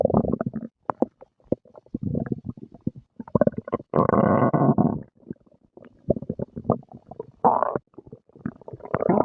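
Irregular gurgles, squelches and a longer rumbling growl from an adult stomach after a meal.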